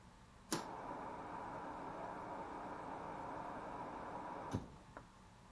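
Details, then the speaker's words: DIY ventilator prototype, a standard CPAP machine converted to a fixed-cycle respirator with servo-driven valves on a 3-second exhale cycle: sharp valve clicks around a steady rush of airflow as it alternates exhale and inhale. "so as you can see the unit is cycling now that's an exhale cycle inhale cycle you can kind of hear the wind coming out of it with the exhale and inhale cycle"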